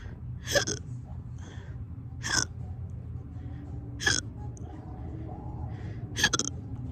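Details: Four abrupt, forceful hiccups about every two seconds, each a sharp gulping catch of breath over low room rumble, from a person who has been hiccuping persistently for hours.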